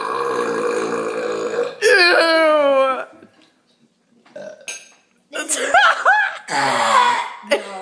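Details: Father and son in a deliberate burping contest at the dinner table: several loud, drawn-out voiced belches in turn, with laughter between them.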